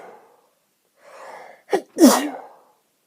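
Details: Sneezing fit (f): quick inhaled breaths build up, then a single sharp, explosive sneeze.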